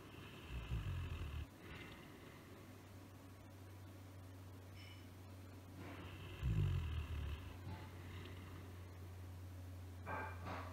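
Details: Elderly female Great Dane, nearly 13 years old, 130 lb, asleep on a dog bed in front of the fireplace: deep, low rumbling snores about five seconds apart over a steady low hum; ordinary snoring.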